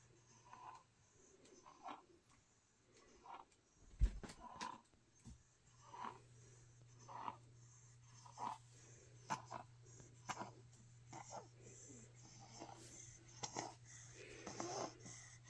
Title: Snoring